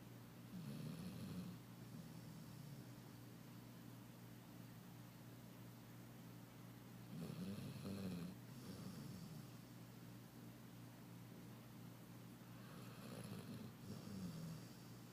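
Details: Snoring in a sleeping male: soft rattling snores with each breath, about every six seconds, over a steady low background hum.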